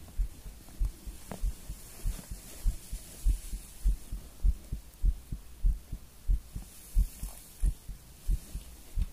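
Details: Strong, regular deep thumping heartbeat at about 98 beats a minute with a low hum behind it, recorded after coffee and nicotine; a strong heartbeat.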